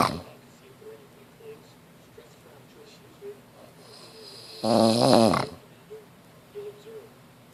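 Quiet breathing with one loud, rough, buzzing snore lasting about a second. Snoring from throat vibration during sleep.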